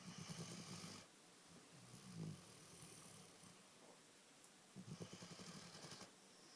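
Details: Pet snoring while snuggling its owner: soft, low fluttering snores in short bursts with quiet breathing between, close to the microphone; snoring.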